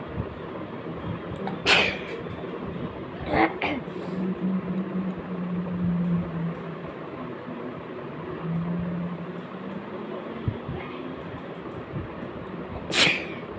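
Three or four sharp, explosive sneeze bursts with a low hum and room noise in between.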